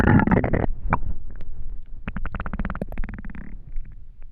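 Loud gurgling and bubbling stomach rumbles, ordinary hunger-related bowel sounds.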